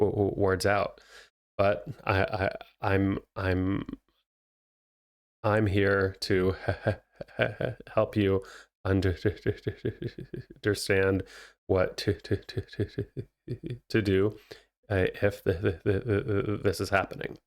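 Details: Stuttering in an adult male, a licensed speech therapist who says he stutters himself, speaking naturally.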